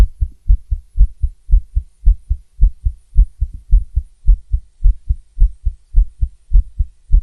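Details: Stethoscope recording of a female's fast heartbeat at about 107 beats a minute, with slightly uneven spacing and occasional skipped beats.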